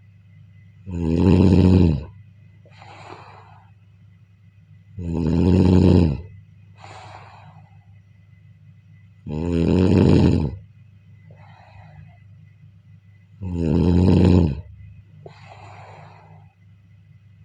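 Loud, regular rattling snores, each followed by a softer breath out, about 14 breaths a minute.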